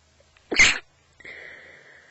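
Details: Person who woke with a completely blocked nose, recorded in bed: one sharp, wet, partly held-in sneeze with a brief hissing exhale; the stifling is from nasal congestion, not deliberate; a stifled cold sneeze.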